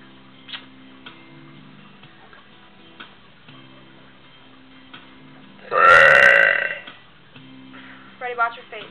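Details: One loud, drawn-out voiced belch lasting about a second over background music and ticking, in a recording about a new pup; ordinary burping.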